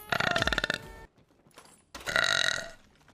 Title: Beautiful Model/Streamer burp compilation part 1